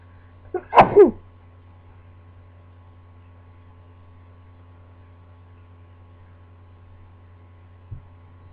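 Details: A single sharp sneeze into a pillow, with a brief intake before it, from a person who had just woken from a nap and hopes it isn't another cold; sneezing.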